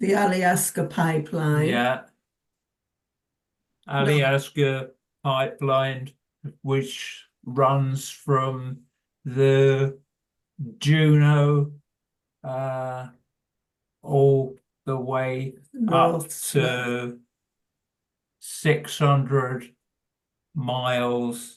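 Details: Adult man with primary progressive aphasia attending a university progressive aphasia speech and language therapy clinic; word-finding pauses, fillers, restarts and fragmented sentences heard; primary progressive aphasia.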